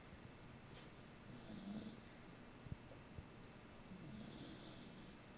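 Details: Beagle puppy sleeping relaxed: soft, faint snoring, two slow breaths heard over steady room noise; snoring.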